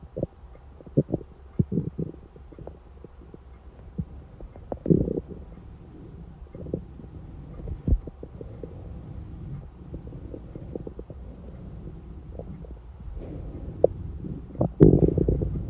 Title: Hungry stomach noises at 4:30 am